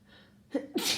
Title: Rapid sneezing from my cold (and nose blows)